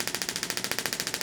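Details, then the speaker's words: Pulse (pressure) wave therapy handpiece demonstrated on a volunteer's forearm fascia and carpal tunnel area for carpal tunnel syndrome at reduced intensity; rapid, even clicking pulses about fifteen per second sending focused energy waves into tissue. "and so we're going to turn down the intensity to a reasonable rate and you'll hear the pressure wave unit vibrating the bullet back and forth that's"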